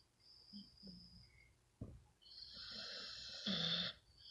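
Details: Sleeping female bully dog whose snoring gets louder as it goes on: noisy, rattling snoring breaths with a snort and a loud, harsh inhalation. Snoring.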